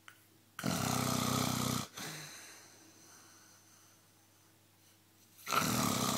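Two loud, harsh rattling snores about five seconds apart, with a quiet outward breath between them: snoring.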